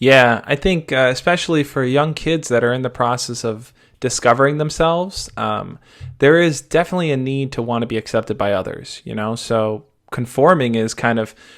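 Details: Adult male speaker; fluent speech.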